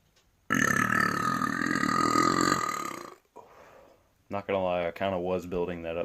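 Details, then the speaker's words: Burp on command challenge: one long, loud, voiced burp lasting about three seconds, followed by a short laugh and voices. "the burp on command challenge accepted alright here we go so I got bro challenge accepted Papa"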